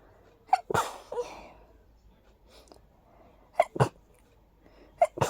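Three sharp sneezes, each with a quick inbreath, in a short run; hayfever sneezing from allergic rhinitis.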